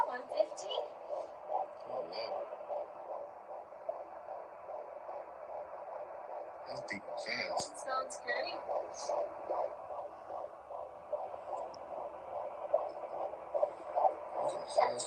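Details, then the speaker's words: Fetal heartbeat on Doppler in the second trimester, parents' first time hearing it: fast, rhythmic whooshing pulses about 150 a minute with voices talking over it. "yep so that was our first time being able to hear the heartbeat and so forth cool to hear it yes so"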